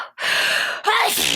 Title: Loud wet sneezes 2